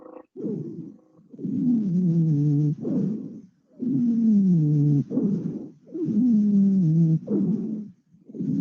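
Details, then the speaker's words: Wheezes on lung auscultation, a teaching example: musical sound produced by airflow through narrowed airways with reduced lumen. "entonces el paso del aire producirá cierto cierto sonido característico"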